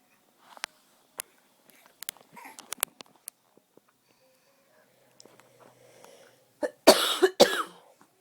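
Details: Two or three loud, harsh ordinary adult coughs in a quick burst after quiet clicks; a baby nearby is startled by the cough.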